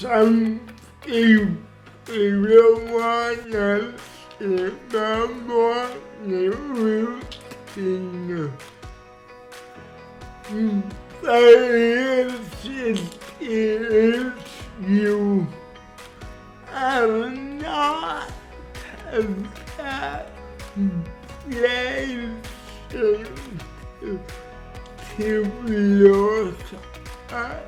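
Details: Adult man with cerebral palsy speaking in his own voice; he calls his speech disorder the hardest challenge of his cerebral palsy; dysarthria (cerebral palsy).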